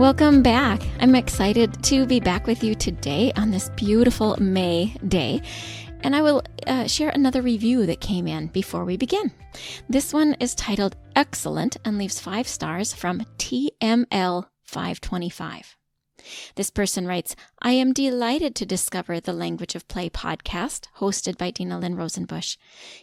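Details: Adult woman; typical speech.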